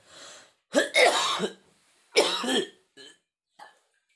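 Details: Cough in an adult man unwell with a chill, aches and a cold during rainy weather, at dawn during kerokan skin scraping by his wife: two harsh, throaty cough bursts followed by small throat-clearing sounds in a quiet room.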